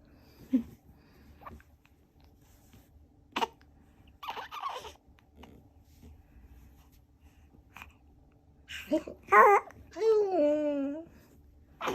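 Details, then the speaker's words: Baby on day 86 of life (corrected age 29 days) with hiccups that won't stop: brief, soft catches spaced seconds apart, then a short infant whimper. "딸꾹질이 안 멈춰"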